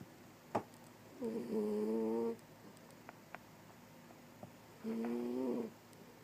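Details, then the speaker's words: Female snoring: two drawn-out, tonal, whistling snores on inhalation, separated by quiet breathing with faint clicks in a quiet room. "what are you snoring like that for, girl? Huh? What are you snoring, girl?"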